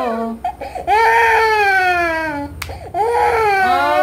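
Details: Baby crying during gunshot ear piercing: loud, sustained wailing cries, two long cries separated by a brief gasp; pain cry in a small room.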